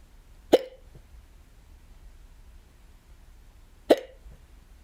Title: I got the hiccups UwU